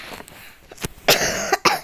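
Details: A few short, harsh coughing bursts from a child who says they are sick and getting better, with quiet room sound between them; cough.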